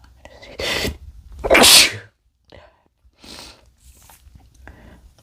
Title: not gonna sneeze (m)